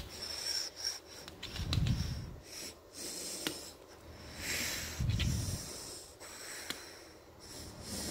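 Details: Siberian Husky having a seizure around 5 a.m.: irregular snorting, wheezy breaths with soft rubbing noises, noisy breathing during a canine seizure.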